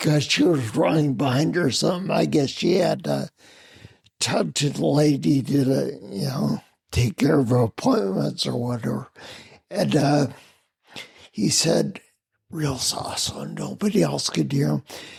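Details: Adult man with spinocerebellar ataxia of unknown cause, slurred speech since around 1999, hard to understand on the phone, with mobility problems: ataxic dysarthria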